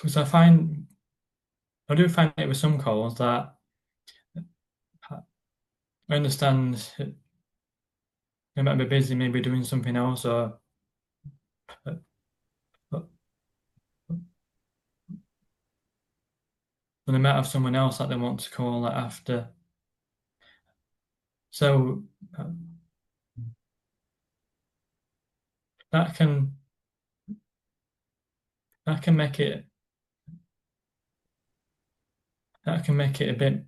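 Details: Stuttering (stammering) in an adult man who describes it as a neurological condition that blocks words from getting out, on any word; silences occur while he is blocked.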